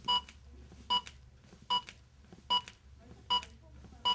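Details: ZOLL AED Plus Trainer 2 in a simulated training scenario: steady electronic beeps at about 75 a minute pacing chest compressions after a shock, with the instructor prompting harder, deeper compressions; CPR metronome beeps.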